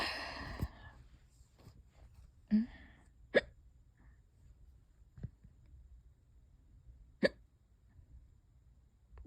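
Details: Hiccups that have lasted for hours and keep getting worse: several sharp, short hiccup sounds in nine seconds at uneven spacing, over a low room rumble.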